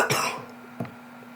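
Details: A single short, harsh cough burst followed by a softer second cough in a small room, from a young person who says she is sick, recently vomiting; an ordinary cough during a cold-like illness.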